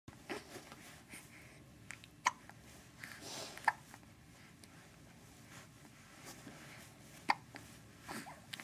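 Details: Infant with hiccups: soft, sharp, irregularly spaced hiccup clicks, three clear ones, against quiet room noise.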